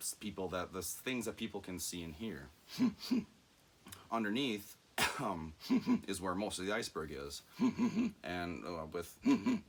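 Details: Adult man with self-reported, undiagnosed Tourette syndrome that runs in his family, with vocal and motor tics plus anxiety and ADHD; speech interspersed with frequent 'mm-hmm' and 'hmm' sounds; vocal tics (Tourette syndrome).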